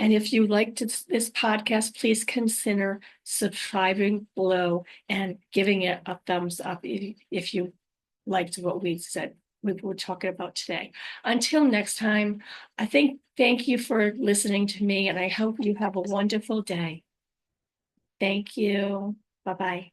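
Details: Adult woman after a stroke, recorded unedited on a good day, usually in the morning before fatigue; aphasia with apraxia of speech and dysarthria.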